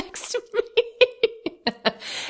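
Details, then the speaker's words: Cat, excited after jumping around on waking from a nap, has a mild asthma attack: rapid, repeated wheezy huffing bursts over a steady whistling tone. "And she's decided to wake up early from her nap and come out here and promptly have an asthma attack right next to me. Don't worry, she doesn't have crazy asthma. She just when she jumps around, she gets excited."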